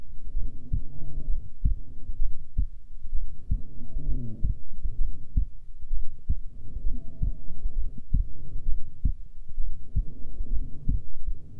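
Regular heartbeat about 65 a minute with slow breath sounds rising and falling behind it: a normal resting heartbeat.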